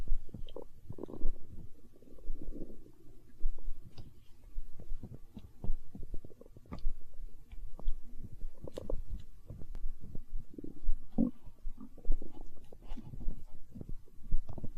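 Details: Stomach growling in hunger, tagged as empty-stomach sounds in a close-miked ASMR recording: irregular low gurgles and rumbles throughout, ordinary borborygmi from gas and fluid moving through the gut.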